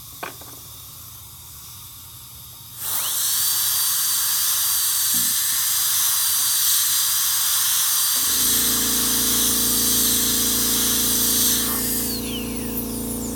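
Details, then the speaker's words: Room noise, then a steady shrill high-speed dental drill whine for about nine seconds with suction hum, further reducing the incisal edge from about 1.8 mm toward 2 mm in tooth 1 PFM crown preparation; dental drill. "So I have almost 1.8. I will reduce it more."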